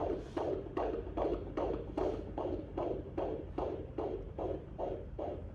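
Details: Fetal heartbeat on Doppler at a first midwife appointment during pregnancy: rapid, regular whooshing pulses, about 150 beats a minute, a reassuring normal rate.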